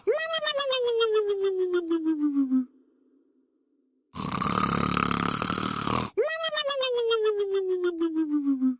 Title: Funny Snoring Sound